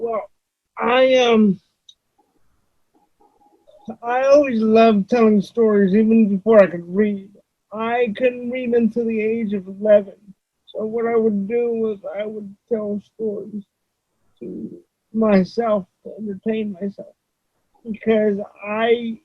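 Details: Adult man with cerebral palsy, whose voice voice-recognition software often fails to understand; dysarthria (cerebral palsy).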